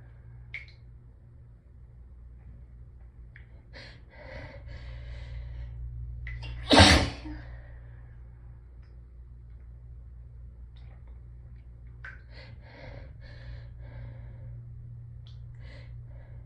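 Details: Hayfever (allergic rhinitis) sneezing after a day of building symptoms, with the nose raw from rubbing: repeated catching breaths build to one loud, forceful sneeze, then more hitching breaths over a steady low hum.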